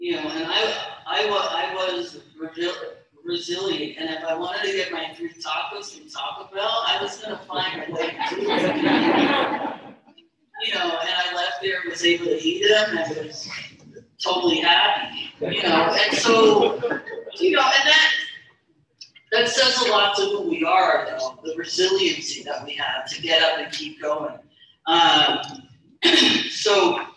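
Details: Stuttering in an adult woman, a keynote speaker at a stuttering convention, speaking about her own stuttering; stuttering.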